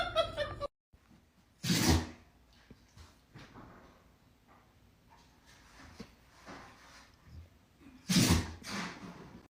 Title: Sneezeee Weezee That dog has a Problem #funnyanimals